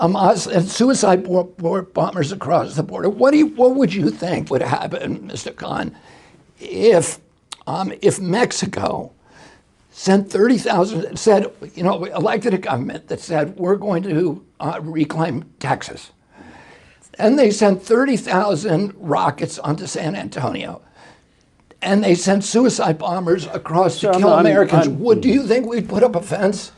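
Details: Adult male with spasmodic dysphonia; he reports a very strong voice until age 42, then onset in 1996 after a neurological injury, which he attributes to his brain sending wrong signals to his vocal cords rather than to the cords themselves.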